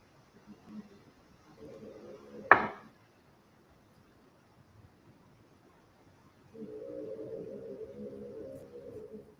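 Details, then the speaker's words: Bruce, a dog that has snored since he was a tiny puppy, gives two drawn-out, buzzing snores while asleep, separated by a quiet pause and a sharp click. "you hear Bruce snoring? Yeah. I thought it was a car. Nope. That's just the dog. Can you imagine bringing home a dog as a puppy and he's like a little tiny puppy, but then he snores like that first night?"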